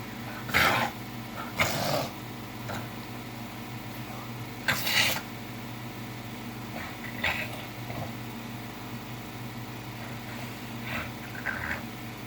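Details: Reverse sneezing episode in a dog: repeated loud, harsh snorting gasps through the nose.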